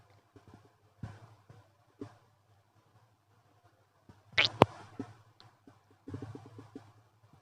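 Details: Active bowel sounds after eating a wrap with chicken nuggets and sauces plus milk tea, unusually loud for this person: intermittent gurgles and rumbles from the abdomen.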